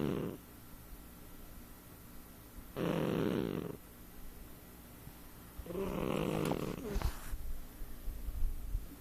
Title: Sophie The Snoring Cat